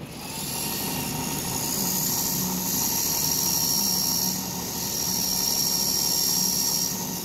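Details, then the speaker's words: Steady high grinding whine of a surgical drill preparing a pterygoid implant site in an STL model jaw, on a physiodispenser at 35-40 Ncm torque, with speed reduced from 1100 for soft bone. "Actually it is soft, so I have reduced my speed. So now again I'll do drilling."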